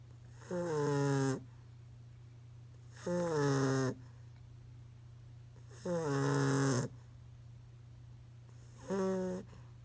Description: Five-month old snoring during her afternoon nap.